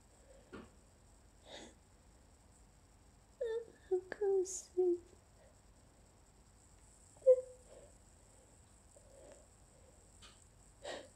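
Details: Person with allergies deliberately stifling sneezes, which they say they normally let out fully: muffled, held-back sneezes with small squeaky gasps and sniffs as the itch and tickle persist.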